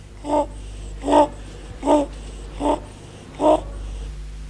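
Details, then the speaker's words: Stridor in a sick child, from a training film on acute respiratory infection signs: a harsh noise on each breath in, about 77 a minute, with room noise; stridor is described as common in croup syndromes. "Stridor is a harsh noise produced when the sick child breathes"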